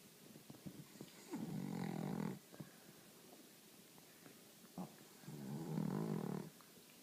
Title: Pug snore